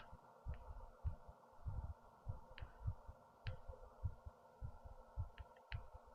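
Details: Person's own fast heartbeat after standing up, heart racing and breathing fast, recorded with a headphone speaker; low steady thumping beats at about 100–105 a minute over a faint hum.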